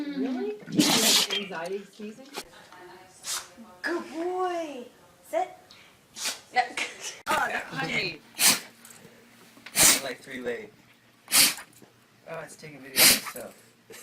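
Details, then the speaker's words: Dog prompted by its owner to sneeze, giving several short explosive sneezes amid the person's voice and room noise; sneezing. "Sneeze. Oh, I said sneeze. Bless you. Bless you. Bless you."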